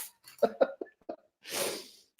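A short run of harsh throat bursts, then a longer breathy exhale, heard as an adult's cough.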